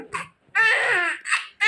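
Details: Newborn baby shortly after delivery: short bursts of a high, clear cry in a quiet room, a normal vigorous cry.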